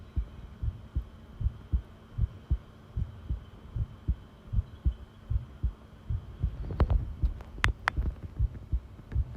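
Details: Heartbeat in a long recording: regular low thumping at about 77 beats per minute with steady hum and a few handling clicks.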